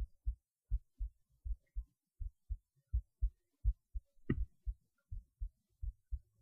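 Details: Heartbeat through a cheap acoustic stethoscope: regular low thumps at roughly 80 a minute; normal heart sounds.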